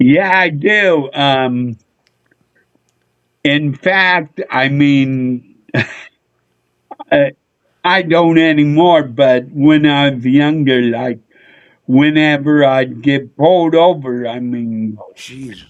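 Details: Adult male with a neurological problem; MRI showed an underdeveloped back of the brain; head hit a dashboard in a car accident when younger; real condition; slurred speech mistaken for drunkenness (dysarthria).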